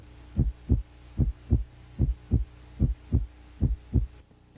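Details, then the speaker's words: Regular lub-dub heartbeat at about 74 per minute, with S2 louder at the base; normal S1 (low-pitched "lub") and S2 (higher-pitched "dub") heart sounds. "S1 is a low pitch sound it sounds like love heart sound 2 S2 is is heard at the beginning of the diast following the closure of the semilunar valves S2 is a higher pitch sound it sounds like dub"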